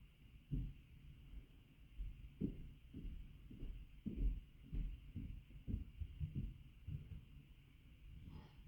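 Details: Low, muffled heart thumps over a steady background hum; the person recording believes their heartbeat is very fast.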